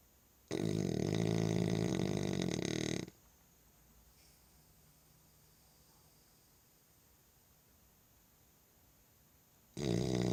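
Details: French Bulldog asleep after supper: two loud, low rattling snores about nine seconds apart, separated by quiet; ordinary snoring.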